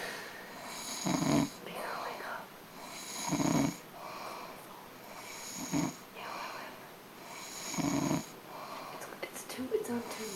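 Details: Person snoring; four regular, low rattling snores about every two seconds over noisy breathing, roughly 25 a minute; ordinary snoring.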